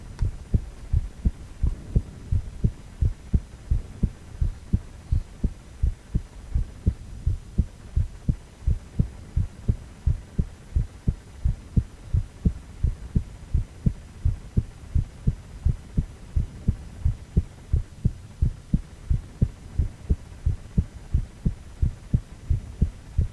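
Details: Steady, regular low thumping heartbeat at roughly 85 beats a minute from a male heart on cardiac ultrasound, 4-chamber view; normal heartbeat.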